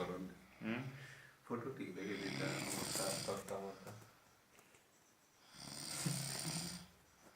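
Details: Loud, rough, rattling snores in long breath-length bursts, three within about seven seconds, with quiet gaps between; heavy snoring.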